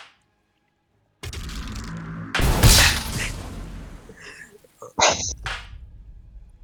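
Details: A male's very relieving sneeze: brief inhaled build-up, then a loud explosive burst with a trailing exhale and a shorter second burst. Forceful sneezing.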